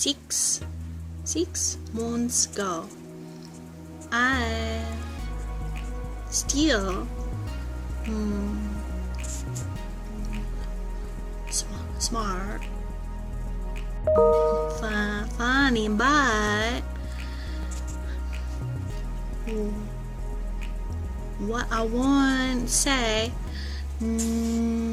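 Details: Adult woman with acquired apraxia of speech, a neurological motor planning and programming disorder; acquired apraxia of speech.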